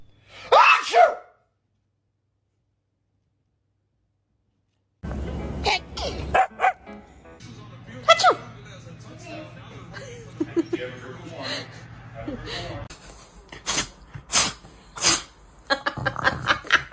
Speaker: Achoo! Pretending to sneeze on my dog.